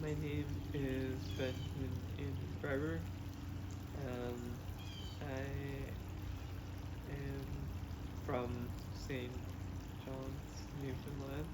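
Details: Expressive aphasia with oral apraxia and right-sided paralysis in a man after an unexpected hemorrhagic stroke at age 27, recorded after 1.5 months of an intensive speech program.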